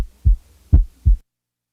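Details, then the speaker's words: Heart sounds with a loud first sound followed by a softer second sound (S1 louder than S2), giving an impression of descending a musical scale; loud first heart sound. "when the first sound is louder than the second an impression of coming down the musical scale is perceived when the first sound is softer than the second the impression is that of going up the musical scale listen now to a loud first sound followed by a softer second sound"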